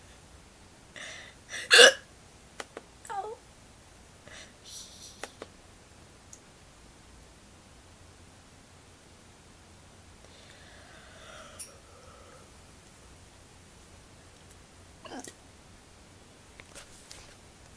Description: this was me with hiccups.